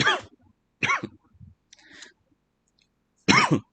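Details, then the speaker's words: Three brief, sharp coughs from an adult, separated by short pauses and quiet breaths. "Sorry, I'm just coughing a little bit. Yeah, I can hear that."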